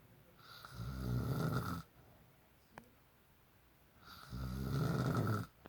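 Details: Father snoring during sleep: two loud, low, rattling snores on inhalation with quiet exhalation between; ordinary snoring.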